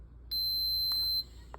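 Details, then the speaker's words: Infinity enteral feeding pump for a G-tube-fed child born prematurely at 27 weeks, power button held for 3 seconds: a single steady high beep of about a second as the pump switches on; feeding pump power-on beep. "So to get started with one of her feeds, there's this on and off button right there. So we're just gonna hold that down for 3 seconds."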